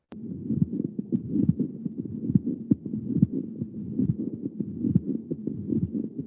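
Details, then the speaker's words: Male patient with mitral valve endocarditis, hospital day three: scratchy, creaking heart sounds like creaking leather, repeating about 69 times a minute, a pericardial friction rub. "does anybody know what this sound is that would probably this this squeaky sound of a pericardial friction wrap yeah that's great"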